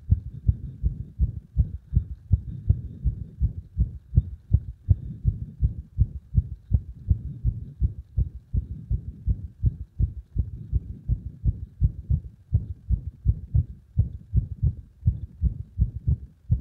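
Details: Compression heart sounds with frequent arrhythmia: fast, loud beats with uneven spacing and frequent early or skipped beats, an irregular rhythm.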